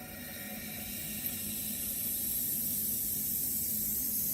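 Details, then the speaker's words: Oxygen-driven nebulizer running at 8 L/min oxygen flow, shown in a demonstration with no patient breathing through it. A steady rising hiss as the nebulizer starts to mist. "You will notice that the nebulizer starts to mist."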